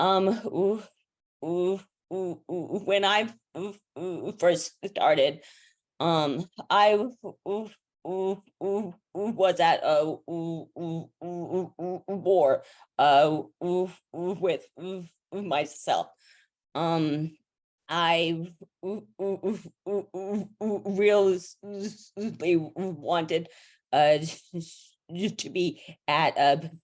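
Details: Stuttering in an adult woman who says blocks and pauses will be heard when she speaks.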